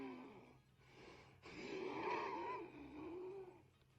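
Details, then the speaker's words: Adult's breath with a musical, whistling wheeze through a long breath out; person says the wheezing sometimes wakes them at night. "And I wake myself up sometimes because I can hear myself wheezing."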